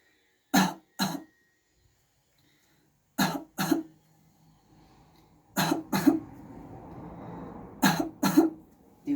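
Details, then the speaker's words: Four pairs of short, dry voluntary coughs with quiet breaths between, acted on request during a medical student's simulated respiratory chest exam, listening to the inspiration after the cough; voluntary cough. "también tenemos la ocultación de la tos en el cual al paciente le vamos a pedir que tosa y lo que nos concentramos nosotros en la inspiración después de la tos al espacio por favor"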